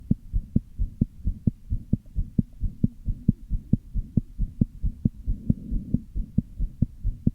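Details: Fast heartbeat around 130 a minute with an uneven rhythm and low whooshing between beats; very evident heart murmur with arrhythmia.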